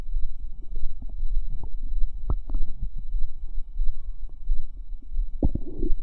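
Low, irregular gurgling and bubbling with occasional squelching pops: active bowel sounds, a normal finding.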